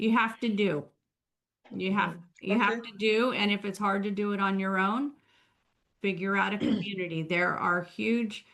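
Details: Adult woman speaking; typical speech.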